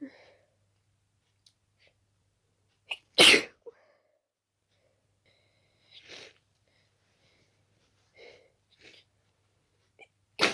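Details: Intense itchy sneezing fit in a person very allergic to dust, with wet, stuffy sneezes, some stifled: several sharp rapid sneezes in a quiet room with brief breaths between.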